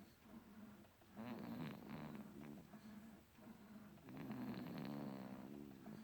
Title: I'm not snoring😴😴😴